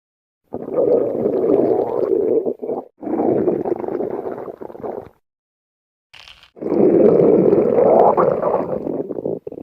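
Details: Stomach growling (borborygmi) from Silverstreams.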